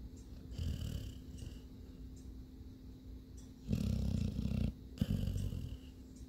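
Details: Sleeping animal snoring: low rumbling, fluttering breath sounds in a quiet room, louder on some breaths.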